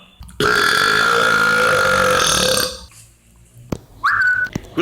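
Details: Man deliberately burping in a compilation clip: one long, loud, tonal belch of about two seconds, then a short voiced sound.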